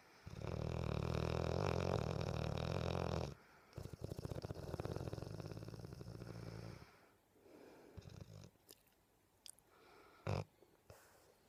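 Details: Sleeping Bullmastiff snoring and dreaming: loud, low rumbling snores, then quieter fluttering breaths and small sleep noises.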